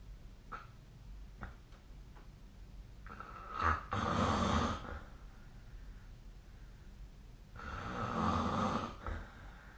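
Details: Snoring during sleep, recorded with the SnoreLab snoring app: two rough, fluttering snores a few seconds apart over quiet room noise, softer breathing between.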